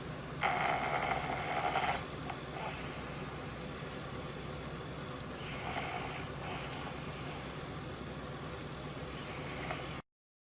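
Rough, hissing breaths repeat every few seconds during sleep, with steady room noise behind: snoring.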